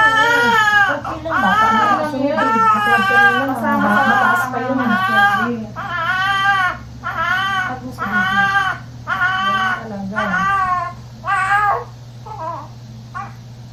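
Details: Loud, rhythmic crying bursts about one a second, tapering toward the end, from a newborn boy just after a fast normal vaginal delivery (mother's second baby), with room hum; a vigorous cry.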